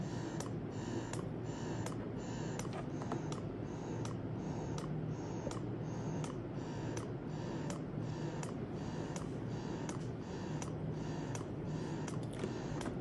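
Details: Portable rechargeable electric breast pump with three modes and nine levels, switched to level 9 (highest): continuous motor hum with regular clicking suction pulses, about one to two per second.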